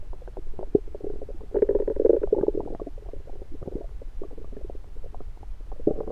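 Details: Bubbling, gurgling abdominal sounds with clicks and a longer rumble, recorded with an electronic stethoscope in the morning after breakfast; active bowel sounds after a meal, a normal finding.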